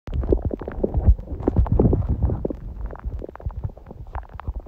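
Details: Soft, scattered, irregular gurgles and low bubbling rumbles from the belly on a quiet digestive day after a smoothie breakfast and salad; ordinary bowel sounds.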